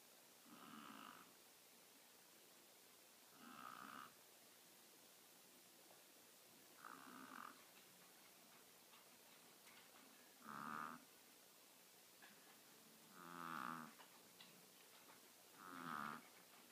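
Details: Snoring, reported loud, from a 6-year-old female teacup Chihuahua weighing about 3.5 lb, asleep: soft, regular rasping snores on each breath in, about 21 a minute, over faint room noise.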